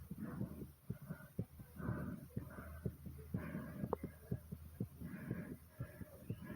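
Fast, pounding heartbeat around 120 a minute with heavy breathing, a normal racing heart after exercise.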